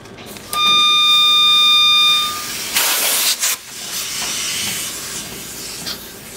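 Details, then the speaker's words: Setting up humidified high-flow nasal cannula for a newborn in the NICU: a brief tone, then loud bursts of rushing gas hiss settling into a steady softer hiss as wall oxygen connects to the air-oxygen blender. "okay so our air and oxygen sources will be plugged in to the wall and we will be hearing a noise from the blender and if we plug in the oxygen in here"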